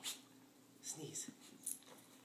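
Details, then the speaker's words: Dog sneezing on command: a few short, sharp nasal puffs, deliberate sneezes done on cue. "good boy that was a good sneeze yeah let's do another one good boy do you wanna try another one he puts us all into it"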